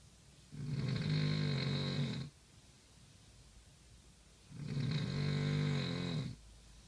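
Two loud, buzzing snores, each nearly two seconds long, about four seconds apart, with quiet breathing between; heavy adult snoring.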